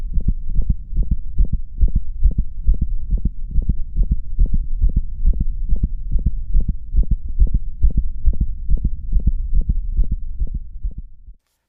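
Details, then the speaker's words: Middle-aged dog with early mitral valve disease: a systolic click, an extra short heart sound right in mid-systole between S1 and S2, commonly mistaken for a gallop sound. "this is a clear example of a systolic click an extra heart sound that's occurring smack-dab in the middle of systole the sound is commonly mistaken for a gallop sound and the distinction is very important"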